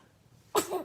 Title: Funniest Baby Sneezing Moments - Cute Baby Video